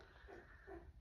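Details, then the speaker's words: Puppy being bottle/syringe supplement-fed, raspy after swallowing milk and watched for pneumonia: two faint, rough, rattly breaths in a quiet room; raspy, noisy breathing. "This girl probably swallowed half of what was in there, but I'm giving plenty. So, and if you can hear, she's all raspy now."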